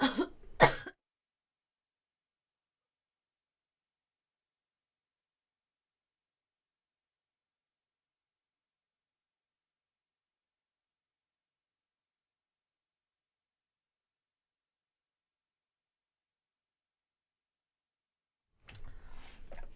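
A couple of short throat-clearing coughs, then long silence and faint sounds at the end; a cough with a cold.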